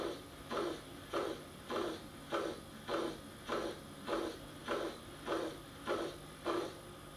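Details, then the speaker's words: Holosystolic regurgitant murmur; a regular blowing murmur filling each systole at about 100 a minute. "tricuspid regurgitation commonly caused by right ventricle the dilatation rheumatic fever and in figure in the colitis can cause either meter to choose rotational or tricuspid regurgitation the sound is like this"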